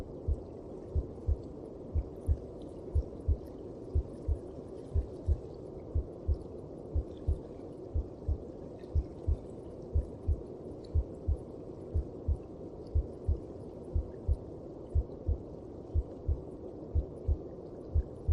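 Muffled, even low thumps at about 60 a minute over a steady whooshing rush, like a mother's heartbeat heard from inside the womb.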